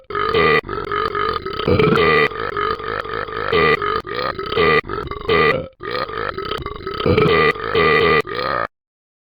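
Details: Repeated burping: a long run of loud, throaty voiced belches in quick succession, with a brief pause partway through.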